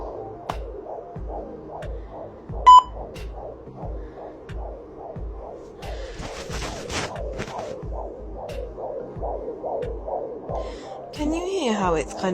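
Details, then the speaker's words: A home fetal Doppler picks up rhythmic whooshing pulses of placental blood flow, a normal sound easily mistaken for the baby's heartbeat: placental souffle. "of like a wishing sound so it's like sometimes I do the baby's heartbeat can take a little while as well"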